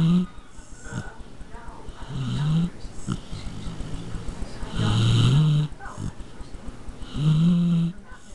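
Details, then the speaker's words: Small pet dog snoring: three loud, low, vibrating snores at about 25 per minute, with softer snuffling between. "She'll start snoring a lot in a minute."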